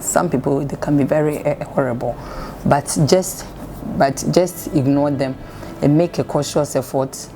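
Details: Adult speaker; stammering.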